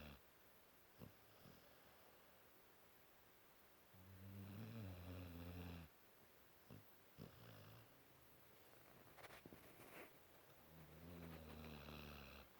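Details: A 5-month-old Cane Corso puppy asleep after a hard day, giving two long, low rumbling snores separated by quiet breathing and small sniffs in a quiet room; snoring.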